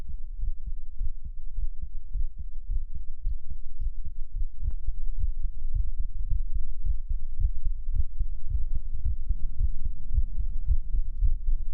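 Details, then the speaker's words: Steady, low, deep, soft thumping of a regular, ordinary heartbeat with faint hiss later; pre-recorded for an ASMR stream using a 3Dio binaural microphone. "How was the heartbeat? So, I hit a a lower thump. These are beats have been pre-recorded so I can do brain tingles tonight."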